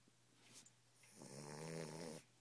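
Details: 9-week-old Boxer puppy snoring while asleep: a faint breath in, then a single buzzing, rattling snore lasting about a second.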